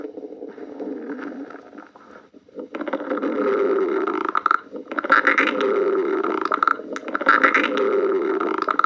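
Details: Long gurgling, rumbling noises rising and falling in waves with a brief quiet gap; stomach growling (borborygmi) from gas and fluid moving through the gut.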